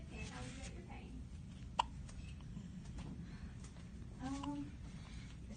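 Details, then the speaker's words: Newborn girl, one day old, with hiccups: a single sharp hiccup, then faint fussing over quiet room noise. "She has the hiccups. Oh, it happens."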